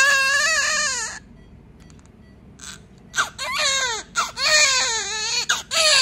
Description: Immediately crying newborn baby